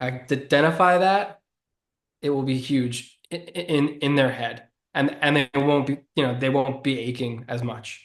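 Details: Adult man who has stuttered since childhood and was bullied for it as a child; stuttering.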